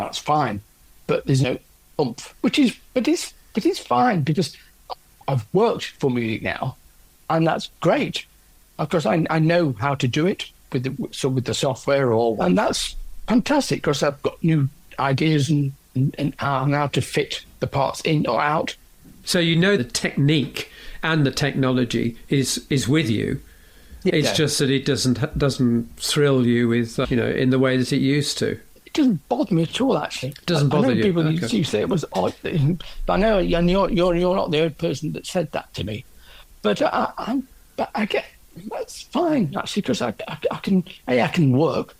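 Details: Adult man with aphasia after a stroke from a left middle cerebral artery blockage 10 years earlier; no speech at first, now improved with persisting word-finding difficulty.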